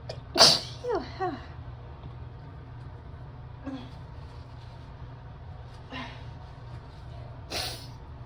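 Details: Chilly sneezes after a shower while getting dressed, worse after opening the door: one loud, sharp sneeze with a short vocal trail, then a few fainter bursts.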